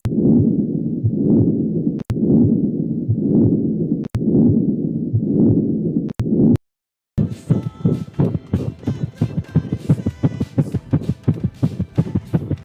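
Regular low heartbeat thumps at about 58 beats a minute for six seconds, then a brief silence and music.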